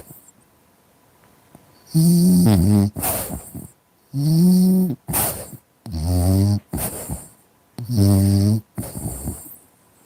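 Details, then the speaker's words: A French bulldog snoring loudly in repeated cycles, with low rumbling inhalations and short snorting bursts. "I'm just with my dog who's snoring. Do you want to hear it?"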